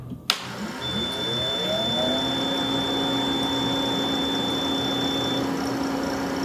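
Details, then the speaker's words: Companion 5 stationary oxygen concentrator (up to 5 L/min) powering on at the button: a click, then a steady motor hum with a rising whine and a brief high tone, running normally. "to power on the unit simply press the button"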